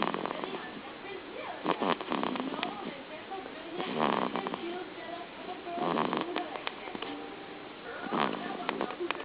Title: snoring baby